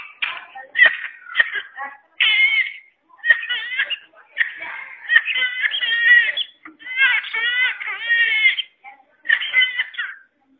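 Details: An infant with short, sharp coughing bursts, then high-pitched drawn-out crowing inspirations and cries. Whooping cough (pertussis).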